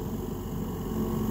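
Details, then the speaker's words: Oxy Vent 9C Plus ventilator (adult and pediatric modes) air compressor switched on via its MCB and then the green button; a steady low mechanical hum and rumble of the compressor running. "we switch it on this is important you have to switch the MCB on first then you switch the green button on"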